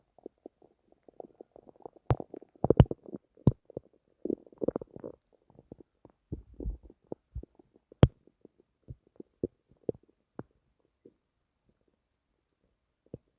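Irregular gurgles, squeaks and pops from the belly, coming and going over a few seconds: ordinary bowel sounds, gas and fluid moving through the gut.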